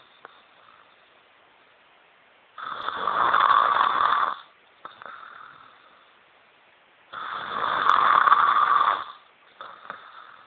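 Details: Two loud, rasping snores, each about two seconds long, with quiet gaps, about 13 breaths a minute, from an adult woman asleep; snoring.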